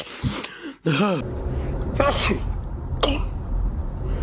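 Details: A boy sneezing: several short explosive sneezes, some with a sharp intake and voiced release, over room noise.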